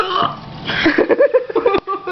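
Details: Person with hiccups while another laughs hard: a short, abrupt voiced catch in the throat followed by a brief vocal sound, likened to a frog; hiccup.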